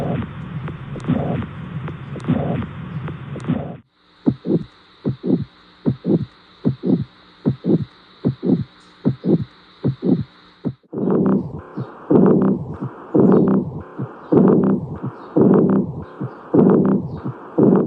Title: Heart Sound || Use Headphones || Hallal Production